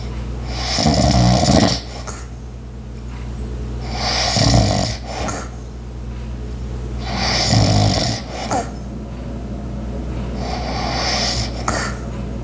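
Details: Light snoring, about four rumbling breaths with hissy exhalations over twelve seconds, recorded for ASMR with background household sounds (ice maker, clock, walking); snoring.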